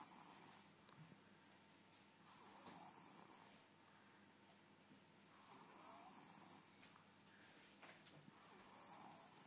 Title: snoring